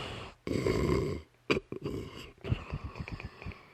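Loud, harsh snorting snores from a dog, with a rattling breath and brief snuffles.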